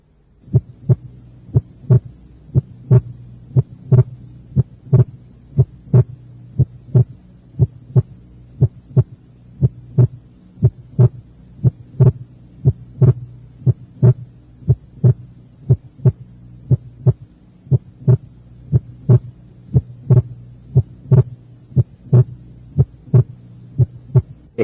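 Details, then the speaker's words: Teaching recording from the second left intercostal space: steady heartbeat about 59 a minute, second sound single on expiration and briefly split on inspiration; normal physiological splitting of the second heart sound. "este ejemplo ilustra el desdoblamiento normal del segundo ruido cardíaco el ruido es único durante la inspiración y desdoblado en la inspiración"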